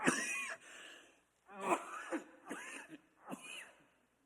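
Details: Adult male pastor who has coughed at night for about three days, with wheezy breath noted earlier: a short run of harsh, raspy, slightly wet throat clears and coughs.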